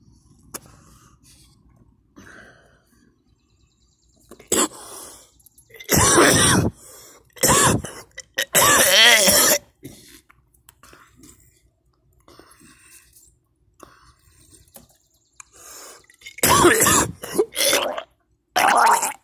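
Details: Adult feeling unwell, coughing and vomiting: about six harsh, forceful coughing and retching bursts separated by quiet pauses.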